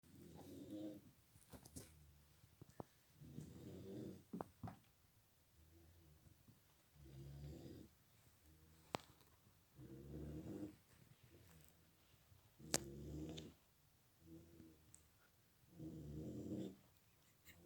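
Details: Female snoring during sleep: rhythmic low rattling snores, about six in eighteen seconds, with quiet pauses between.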